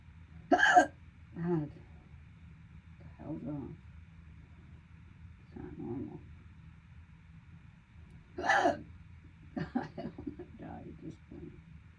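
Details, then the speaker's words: Persistent hiccups, described as hurting. Sharp, abrupt voiced catches a few seconds apart in a quiet room, some with a short trailing sound. "Listen to these hiccups. There These are nice. Nice. That hurts."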